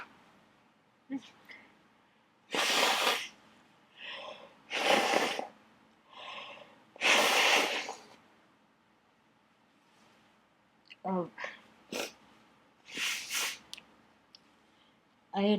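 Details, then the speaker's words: Sneezing fit set off by a dusty attic in summer: a run of about four loud, forceful sneezes with quieter catching breaths and small sneezes between them, nose overflowing by the third sneeze. "just uh hit recorded started sneezing thinking it would be just a a small a small fit um but uh pretty much by the third sneeze I my nose was just uh over overflowing"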